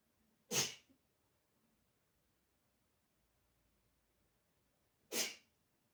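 Two sharp, explosive sneezes about four seconds apart in a quiet room; ordinary sneezing.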